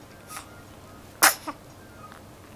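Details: Twin baby brother, yawning and sneezing: a faint breathy sound, then a single sharp explosive burst with a short echo-like tail in a quiet room; a sneeze.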